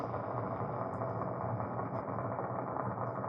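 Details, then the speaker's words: Needle EMG fibrillation potentials: several spontaneous single-muscle-fiber potentials fire together, each regular but at different frequencies, making a dense, steady crackling patter described as rain on a tin roof. "this sound is described as rain on tin roof there are several potentials all are regular but at different frequencies"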